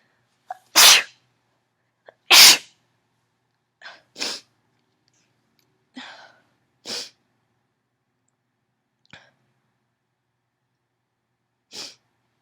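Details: Adult female allergy sneezing fit: about eight sneezes, mostly stifled, with several full and forceful ones too strong to hold in, and lots of sniffling between them.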